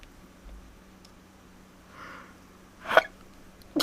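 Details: A soft breath, then one short, sharp sneeze in a quiet room, followed by a relieved exhale.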